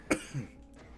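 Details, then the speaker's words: One sharp, explosive adult cough followed by a brief lower voiced after-sound; the cougher attributes it to allergies flaring from nearby wildfire smoke and difficulty breathing. "my coughing on the side note probably that listing um there's a bunch of wildfires going on it's hitting my state really hard my allergies are going nuts and it's hard to breathe so if i'm coughing a lot that's why"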